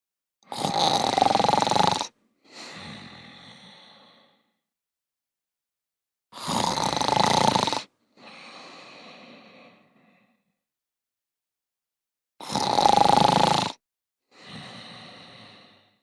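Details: Simulated snoring by shut-down robots in the animated show PJ Masks: a loud rasping inhale, then a softer whistling exhale, repeated three times; comic, not a real sleeper.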